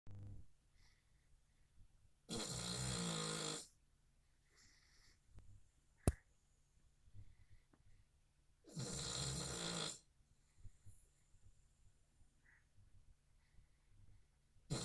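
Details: Loud, harsh snorts about six seconds apart from a sleeping dog, with quiet room noise and small clicks between; dog snoring.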